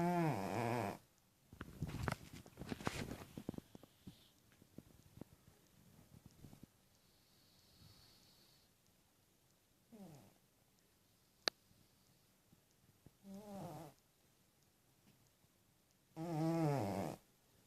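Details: Small sleeping cat: soft, rising purring-snore breaths recurring every few seconds, with rustling and handling noise between them; snoring.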